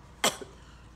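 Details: Single sharp, harsh cough burst with a brief trailing sound from an adult woman with cystic fibrosis on IV treatment, who reports fever, tight painful lungs, coughing attacks and exhaustion.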